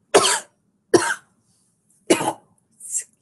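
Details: Three short, harsh coughs followed by a softer throat-clearing from a sick person livestreaming at home who suspects flu, since someone close has the same symptoms.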